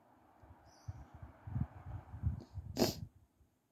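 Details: Morning sneeze while still sleepy, with a tickly throat and some coughing: soft, drowsy breathing and sniffing build up to a single sneeze, followed by quiet.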